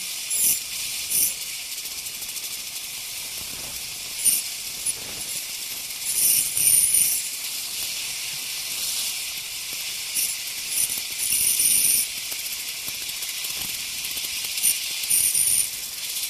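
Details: Ultrasonic piezosurgery unit cutting bone during sinus window osteotomy: steady high hiss with intermittent shrill bursts as the tip touches bone.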